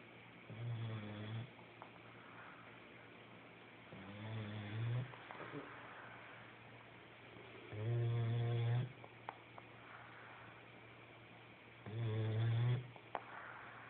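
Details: Snoring with puffing out-breaths: low, rumbling snores, about 15 breaths a minute.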